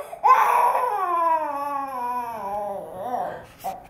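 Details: A young child's drawn-out wailing cry whose pitch falls, then a shorter sob, in a small room: ordinary crying.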